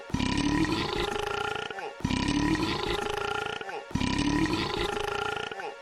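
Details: Three long, deep, rumbling voiced belches, each about two seconds, in an identical repeating pattern; prolonged burping.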